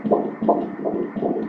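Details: Fetal heartbeat on Doppler: fast, regular whooshing beats at about 155 a minute, a normal rate.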